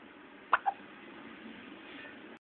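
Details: A one-day-old newborn girl with hiccups: two soft, abrupt catches of breath close together over steady background hiss.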